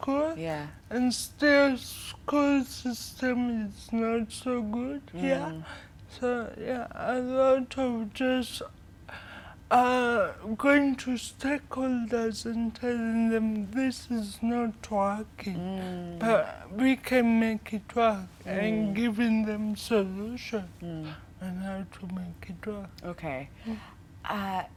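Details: 25-year-old woman with cerebral palsy from birth brain damage due to lack of oxygen during her mother's prolonged labor, affecting leg and hand movement, coordination and speech; dysarthria (cerebral palsy).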